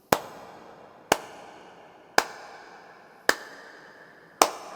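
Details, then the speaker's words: Simulated normal heartbeat: sharp single beats at about 54 a minute in a steady regular rhythm, shown as the normal comparison before an irregular arrhythmia example. "Ito po yung normal na heartbeat dapat."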